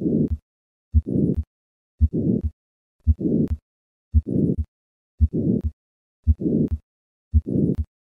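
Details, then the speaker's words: Heartbeat at about 56 a minute with a harsh systolic ejection murmur after each first sound, heard at the left sternal border and radiating widely; hypertrophic cardiomyopathy, murmur decreasing with hand grip maneuver. "the murmur of hypertrophic cardiomyopathy decreases with hand grip maneuver listen once again to a patient with hypertrophic cardiomyopathy"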